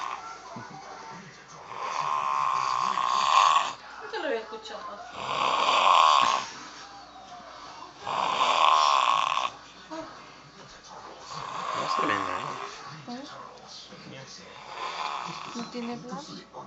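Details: Brother snoring during sleep: loud rattling snores at about 20 a minute, with faint background music.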